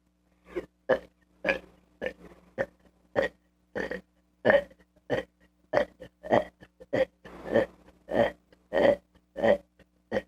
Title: Kid burping part 5